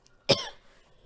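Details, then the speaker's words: An adult recovering from illness coughs once: a single short, sharp cough with a brief fading tail in a quiet room. "I'm sorry about all them I'm coughing um like I said I have covered but I'm coming around the bend"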